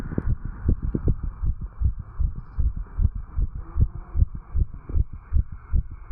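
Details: 35-year-old male after a jog, recorded at the tricuspid valve area: fast, regular low heartbeat thumps at roughly 150 beats a minute with rubbing noise; normal heart sounds racing after exercise.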